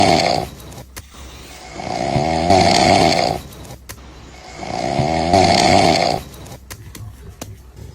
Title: Snoring Fix Gone Wrong #funny #couple #humor